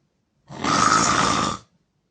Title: Me snoring like a monster